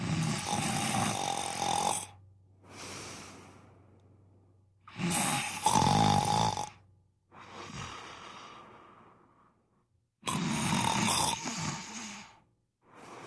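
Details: Sleeping cat snoring: loud rattling snores alternating with quieter whistling out-breaths, about five breath cycles in 13 seconds.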